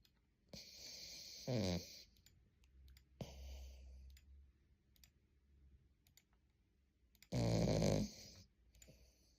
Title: キャバリア〜腕の中でいびき〜／Cavalier King Charles Spaniel〜Big snore〜